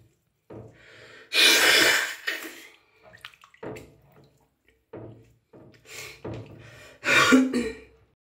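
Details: Woman with a cold sneezing in a warm bath: two sharp, explosive sneezes with sniffles and water noise between; sneezing attack.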